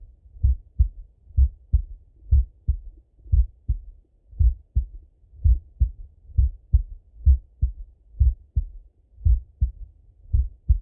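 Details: Full heart auscultation through a stethoscope on a male, recorded either sitting at a desk or lying in bed: a steady lub-dub at about 64 beats a minute, two clear sounds per beat, no extra noises, normal heart sounds.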